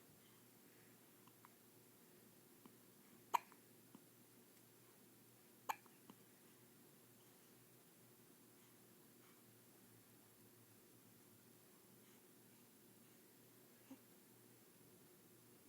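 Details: Hiccups: two faint, sharp, abrupt hiccup sounds with a few softer clicks over quiet room hiss.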